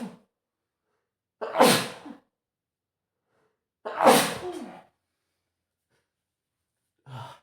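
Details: Adult man with a spring cold and runny nose sneezing: two loud explosive sneezes, each preceded by a sharp intake of breath, separated by a few seconds of quiet.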